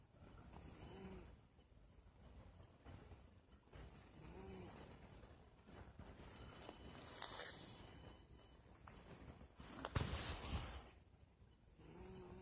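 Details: A pet cat of about 10 years snoring in deep sleep, before the phone camera's light woke her: soft, rumbling breaths every few seconds in a quiet room, with a faint nasal rasp on some breaths.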